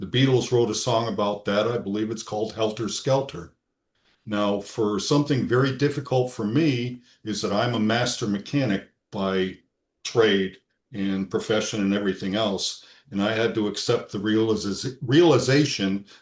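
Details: Adult man speaking; normal speech.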